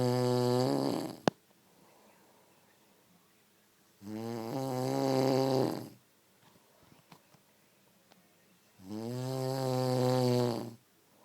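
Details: Adult man's heavy snoring, described as like a train and unstoppable: loud, rough, droning snores on each in-breath, about 12 a minute, with quiet pauses between.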